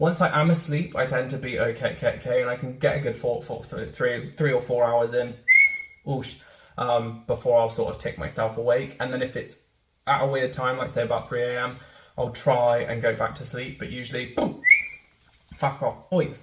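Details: Real, not acted, person with Tourette syndrome, an involuntary motor and vocal disorder, with audible vocal tics including syllable repetitions and interjected swearing; Tourette syndrome vocal tics.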